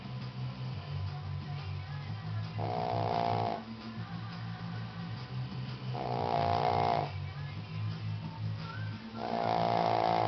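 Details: 11-year-old female Shih Tzu snoring: three loud rasping snores over about ten seconds, each lasting about a second, over a steady low hum and faint music.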